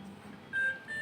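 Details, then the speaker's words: Hamilton C-3 ventilator humidifier alarm: quiet room, then a steady electronic alarm tone, triggered when the humidifier part is not seated firmly. "Oh ya misalnya nih banget terlalu nancep di akan alarm"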